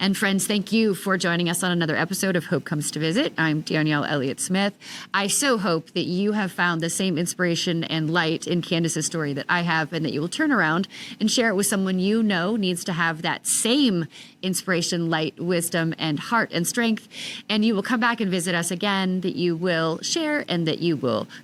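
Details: Adult woman speaking; normal speech.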